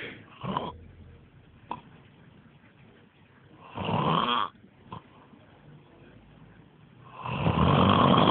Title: Terrible Snoring My DadSleeping On The Trampoline Lol And By The Way I Shaved His Eyebrows Lol